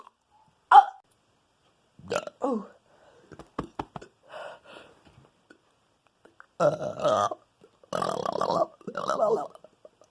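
Several loud, drawn-out belches among brief speech sounds in a quiet room; ordinary burping.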